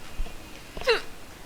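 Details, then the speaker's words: Young woman with hiccups for about 20 minutes after lunch, quiet hiccups: a single soft, abrupt voiced catch in a quiet room, a hiccup. "Hiccups are bursts of inspiratory breathing in activity."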